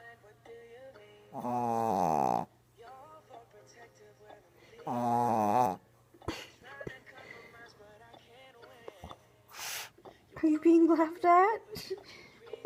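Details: Pug snoring in sleep after a long day of playing fetch: two long, buzzing, fluttering snores about three seconds apart, then softer whistling breath noises, faint room noise.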